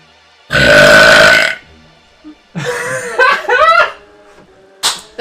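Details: Burping: a loud, harsh burp, then a longer gurgling burp and a brief third one, with faint music behind.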